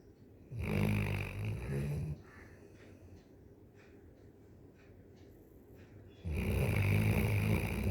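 Two loud, low, rattling snores about four seconds apart with quiet breathing between: snoring in a sleeping dog.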